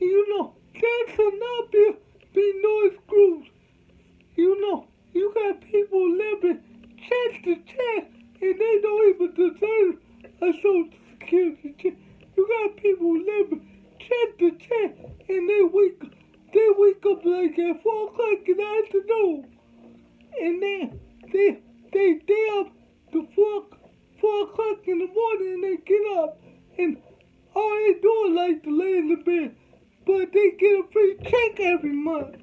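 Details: Adult man with cerebral palsy from birth, whom doctors said would never talk, showing dysarthria in cerebral palsy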